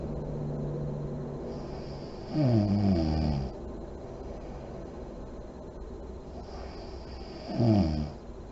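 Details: Sleeping mother in deep REM sleep, lights on: deep, slow breathing about 11 a minute with a droning, falling-pitch snore and lip-puffing on exhalation, steady room hum; snoring.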